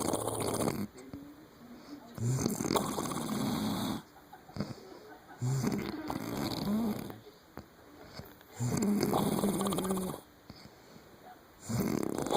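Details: Loud, rough, horse-like snores in regular cycles, about 5 in 12 seconds, with quieter pauses between; heavy snoring.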